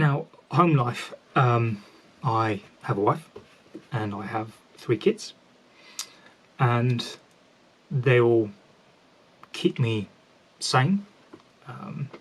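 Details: Adult man who has stammered for 33 years since about age seven, a self-described covert stammerer whose fluency varies and who says he does not stammer when most comfortable; stuttering (stammer).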